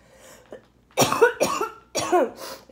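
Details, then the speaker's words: Three loud, wet, rattling productive coughs in quick succession, bringing up mucus; coughing worsening over a couple of days during treatment since hospital discharge, severe enough to sit down while walking; suspected brewing infection. "I had to sit down I was coughing so much but I'm coughing up mucus which means there's an infection brewing"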